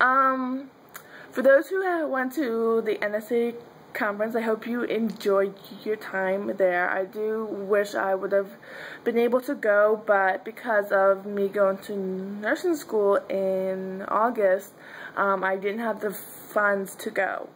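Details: Adult woman who stutters and describes getting caught on words; stuttering.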